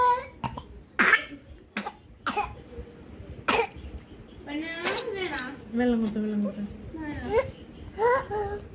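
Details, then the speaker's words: Whooping cough in a child: bursts of harsh coughing followed by a drawn-out, high-pitched noisy inspiratory whoop. "what sort of cough is this you were asking about the cough this is inspiratory woof right inspiratory woof that is inspiratory wo"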